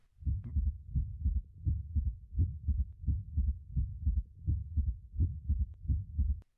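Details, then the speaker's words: Bell auscultation at the apical impulse: regular low heartbeats near 85 a minute with a soft, low-pitched third heart sound (S3) that disappears when the bell is pressed more firmly on the chest wall. "now notice how the third heart sound disappears when the Bell is placed more firmly on the chest wall"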